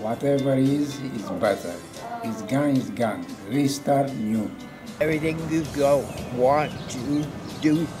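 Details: Adult male speaker; normal speech.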